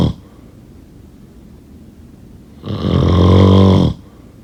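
Quiet room noise, then one loud, deep, buzzing snore lasting about a second; typical snoring.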